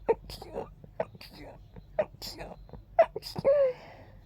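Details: Deliberately gentle, girly sneezes: four short, breathy, high-pitched sneezes about a second apart, with soft gasps between.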